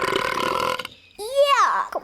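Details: Young child in an animated read-aloud gives a loud, drawn-out, voiced burp after a short pause.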